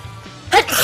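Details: Young Chinese woman with allergy, who reports rhinitis that began suddenly this year and a blocked nose, gives a single sudden, wet, explosive sneeze after a short breath in; faint background music.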